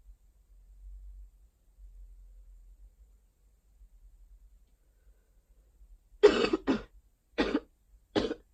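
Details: Person with a summer cold: a quiet room, then a burst of four short, dry coughs within about two seconds.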